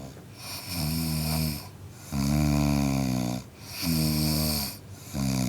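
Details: Adult man snoring (sound effect): loud, buzzing, tonal snores on both in- and out-breaths, steady at about 20 breaths per minute.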